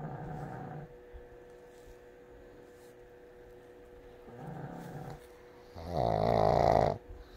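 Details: Pugs snoring while asleep on a lap: rough, rumbling snores from a small dog, with a loud snorting breath near the end over a steady background hum.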